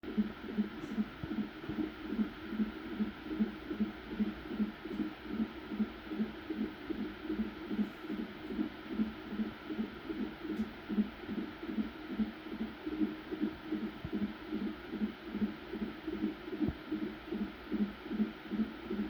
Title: How fetal heartbeat sounds like